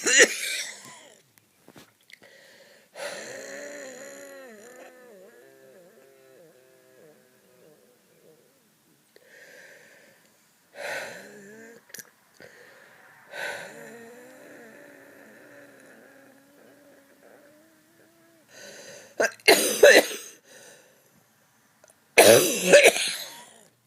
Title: wheat cough and wheezing